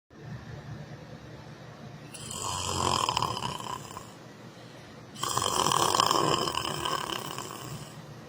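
Two long, loud, rattling snores over a noisy background. Snoring.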